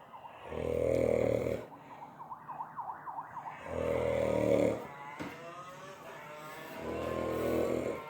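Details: 28-year-old man asleep after taking Xanax: loud, deep, buzzing "motorbike" snores about every three seconds, each about a second long, with a siren-like sound in the background.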